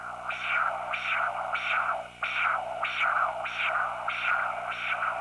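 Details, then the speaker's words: SmartNeedle Doppler needle inserted at an angle into subcutaneous tissue and moved in slow circles to locate a vessel. Rhythmic whooshing pulses about 97 a minute, each a sharp rise and fall: arterial flow signal. "slowly move the needle in a circular motion listening for the desired flow signal arterial flow sounds like this"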